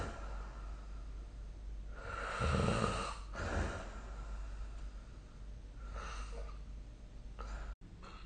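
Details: Snoring during sleep recorded with a snore-recording phone app: rough, rattling breaths, one loud and others softer, over steady room hiss.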